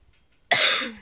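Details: Person who says they are sick with a headache and not feeling good: a single abrupt, harsh cough after a brief quiet moment, fading over about half a second.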